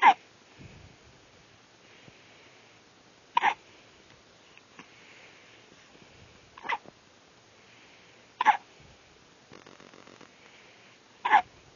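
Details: Baby's hiccups: five sharp, brief hiccups about every two to three seconds against a quiet room background.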